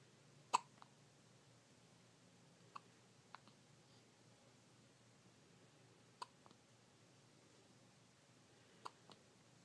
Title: Big yawn and hiccups